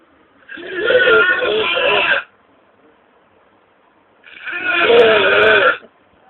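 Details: Two long voiced snoring breaths about four seconds apart with quiet pauses between them; a sleeper nicknamed "gordinho" (chubby one) snoring.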